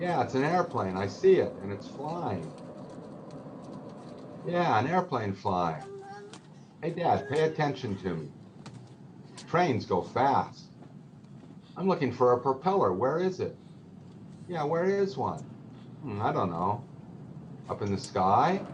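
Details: Young girl with severe bilateral hearing loss and residual hearing, using hearing aids; deaf speech (speech of a child with severe bilateral hearing loss)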